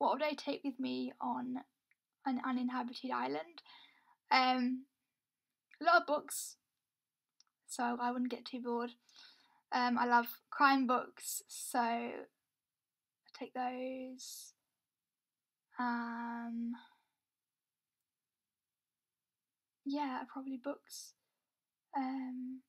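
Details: Young adult woman with a self-reported stammer; stuttering (stammer).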